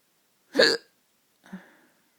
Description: Late night hiccups